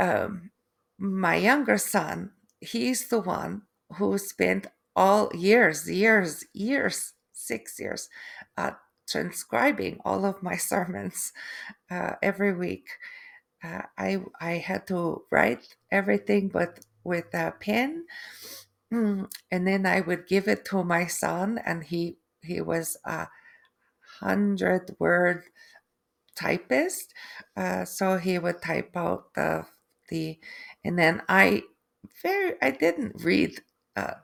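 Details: Adult woman after a stroke with aphasia and apraxia of speech, plus foreign accent syndrome that developed 3 months after the stroke.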